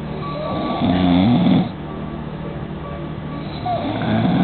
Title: Snoring